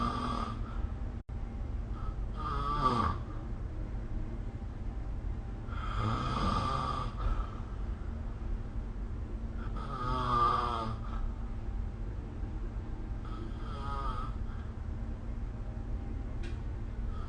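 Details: Snoring recorded with the SnoreLab phone app: four loud rattling snores over about 17 seconds, roughly 14 breaths a minute, against steady low room hum.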